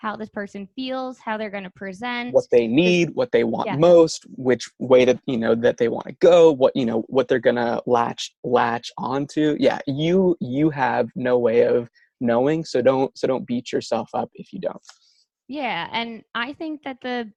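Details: Stuttering in an adult male speaker, a speech-language pathologist who stutters himself; stuttering.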